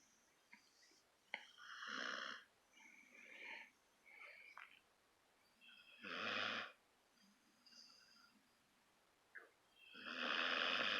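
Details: Sleeping puppy snoring: soft, breathy noisy breaths at about 14 a minute with quiet gaps; ordinary puppy snoring.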